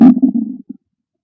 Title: Hungry Stomach Growling Loud FULL VIDEO FOR CHANNEL MEMBER #stomachnoises #stomachgrowl #stomachasmr